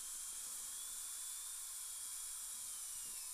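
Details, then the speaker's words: Dental handpiece in a lab repair of an upper all-on-4 implant-supported prosthesis, gently removing composite inside a temporary abutment cylinder under magnification; steady high-pitched whine with hissing water spray. "and just going to just gently ever so gently remove"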